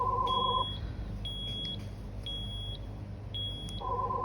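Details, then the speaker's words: Zoll EMV+ transport ventilator, not connected to oxygen, during its pre-use check for a new circuit: manual breath button pressed, air felt on the palm; electronic beeps and a repeating high tone over low machine hum. "and you should feel air onto your palm."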